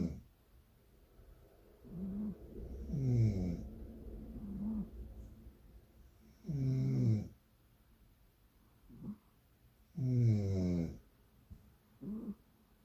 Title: Cat snores only when owner snores.